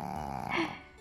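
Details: Sleeping dog named as a snoring dog gives a low rattling snore ending in a brief nasal snort; it often startles itself awake with its own snoring.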